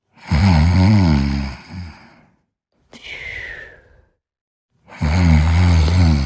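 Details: Two loud, low, buzzing snores on inhaling, separated by a quiet, airy out-breath and silence: snoring during sleep.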